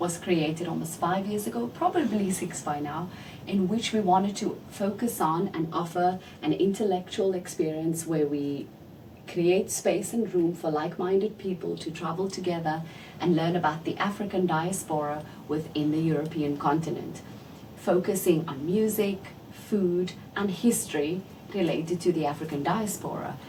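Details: Adult woman speaking; ordinary speech.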